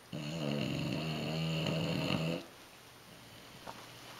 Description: Jack the bulldog is doing his favorite thing - napping in the La-Z-Boy. We can hear his snoring all the way upstairs on the other side of the house.